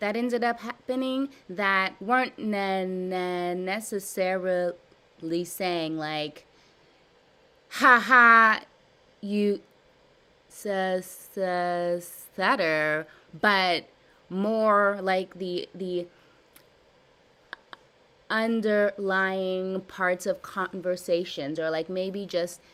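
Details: Adult woman with stuttering since childhood, describing severe blocks, in a live therapy session practicing voluntary stuttering and cancellations; she repeats and revises words; stuttering.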